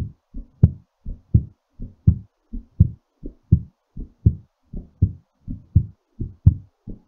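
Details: Regular paired lub-dub heart sounds at about 85 beats a minute, recorded during recovery after exercise; heartbeat after exercise.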